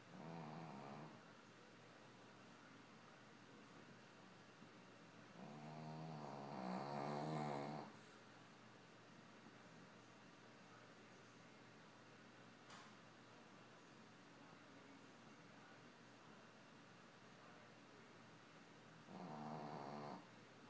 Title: Winston Snoring